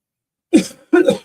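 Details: Dry cough from an adult with coughs and sniffles who says he feels fine: two short, harsh coughs with no rattle or wet sound, a dry hacking cough.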